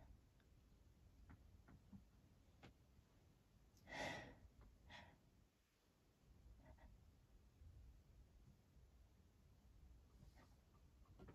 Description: Decided to get out a few feathers today and let those sneezes roll!